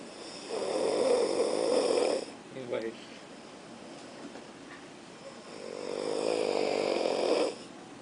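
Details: Student asleep in class snoring loudly: two long, harsh, rattling snores about five seconds apart with quiet breathing between; snoring.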